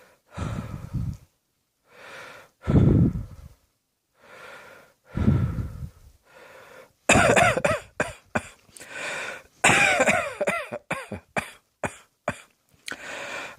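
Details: Adult giving repeated harsh coughs, spaced at first and then a rapid run of bursts with squeaky, wheezy breaths between them; repeated coughing.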